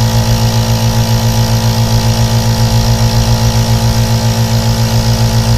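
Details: Running aerosol nebulizer compressor: loud, steady buzzing motor hum with a rapid pulsing throb, used as ambient white noise for sleep.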